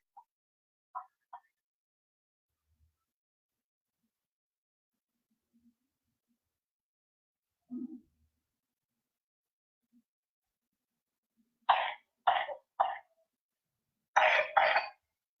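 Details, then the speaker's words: Child's cough: near silence, then three coughs and a final double cough with a loose, rattly quality, as if mucus is stuck and the child is trying to clear it; wet cough, warranting a doctor visit. "तो ये और dry hacking कॉफ में आपने इमीडिएटली एक चीज देखी कि यहाँ पे ऐसा लग रहा है जैसे कुछ म्यूकस फंसा हुआ है और बच्चा उसको निकालने की कोशिश कर रहा है, ये वेट कॉफ कहलाता है।"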